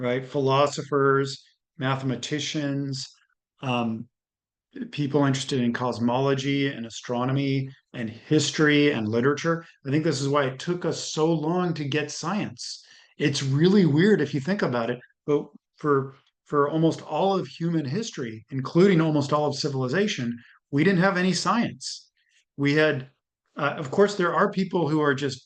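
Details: Adult male speaker; normal speech.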